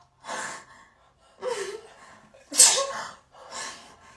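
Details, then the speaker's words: Short sharp in-breaths building to a loud explosive sneeze, then a softer exhale; sneeze onto partner's neck during a prank; sneezing. "that's so nasty why would you sneeze on my neck"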